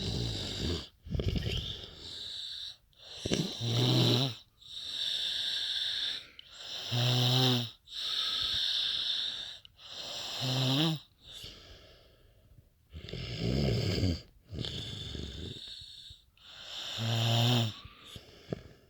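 Loud, rattling snores with a whistling, wheezy edge on each breath, about 18 a minute, with quieter breathing in between.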